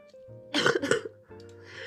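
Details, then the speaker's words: Someone with a throat cold, coughing whenever they speak, reportedly improving since Friday: two quick, harsh coughs close together over background music. "진짜 오랜만에 폰는데 한마디 할 때마다 기침이 너무 나서 금요일부터 주말보다는 많이 나아졌어요."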